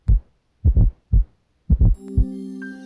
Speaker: S4 results from vibration of the valves, papillae, and ventricular walls later in diastole. Because this low-pitched sound occurs just before S1, it produces a galloping rhythm, as in the word Tennessee.